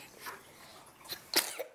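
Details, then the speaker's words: Sneeze from a sick baby boy on breathing treatments after an urgent care visit, heard as medicine starts working. "Oh, bless you. That sounded like a good sneeze. That medicine is working."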